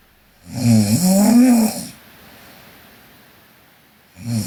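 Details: One loud rattling snore on breathing in from a sleeping Korean girl, then a quiet pause before the next one starts; ordinary snoring.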